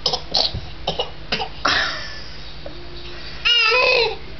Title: fake cough 001